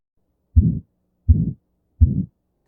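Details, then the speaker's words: Recorded heart sound library example of aortic stenosis: low heartbeats at about 80 a minute, each with a harsh crescendo-decrescendo systolic murmur rising and falling in intensity, followed by the normal S2. "rise and fall of the murmur is called a crescendo decrescendo murmur crescendo meaning point that slowly increases in intensity and decrescendo means a point that decreases slowly in intensity"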